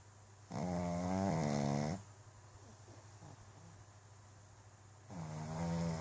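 Loud, tonal snoring sounds on breathing in, with a quiet pause between breaths; snoring in a flat-faced dog.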